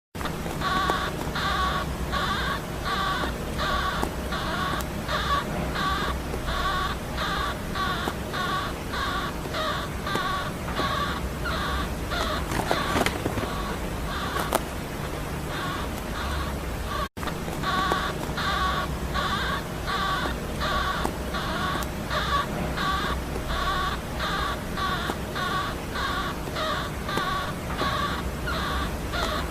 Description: my hamster JJI is snoring,, kkk so cute isnt it,